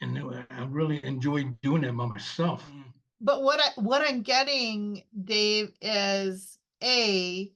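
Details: 74-year-old male veteran with non-fluent aphasia after a stroke 7 years ago; initially unable to read, speak or write, now speaking after long-term speech therapy; non-fluent aphasia.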